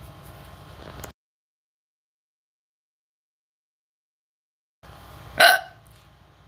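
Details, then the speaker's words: Girl with hiccups making different-sounding hiccups: a single sharp, gulping hiccup after a stretch of silence, over faint room noise. "मैं नहीं जानती ये हिचकियों की sand अलग-अलग आ रहा है"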